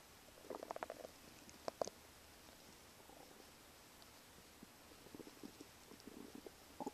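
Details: Morning stomach sounds: bursts of low gurgling and bubbling rumbles between quiet stretches; stomach or bowel rumbling.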